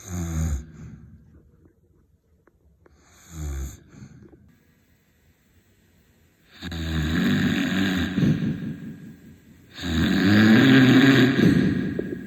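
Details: Loud rattling snores with quiet gaps between breaths, growing louder and longer toward the end; typical heavy snoring.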